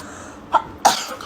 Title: CUTEST SNEEZING